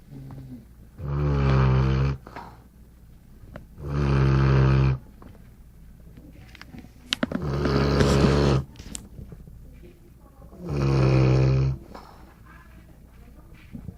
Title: Golden Retriever Snoring